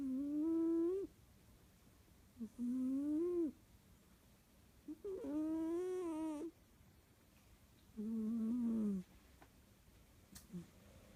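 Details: Sleeping cats snoring, compared between two cats: four drawn-out, tonal, humming snores about 1 second each, separated by quiet pauses.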